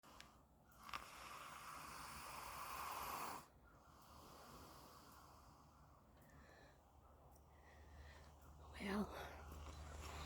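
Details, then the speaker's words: Arabian mare snoring while sedated after teeth floating, given an extra shot, very sleepy: long noisy breathing sounds with a snort near the end against outdoor background noise. "So she'll be taking a nap. She started to snore, so I thought I'd g"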